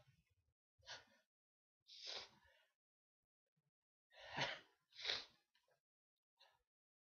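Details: Several breathy, hissing bursts in quick succession, the last two close together, in a quiet room; a run of sneezes.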